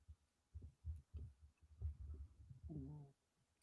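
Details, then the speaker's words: Low, irregular rumbling bursts ending in a brief squeaky gurgle from an adult's stomach after a dinner of butter chicken and rice: stomach growling (borborygmi). "My stomach is making noises. I don't know if you can hear that stomach. It's my stomach."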